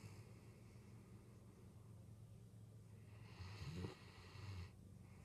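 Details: A Great Dane sleeping beside the bed, snoring: low snoring breaths ending in a louder snort.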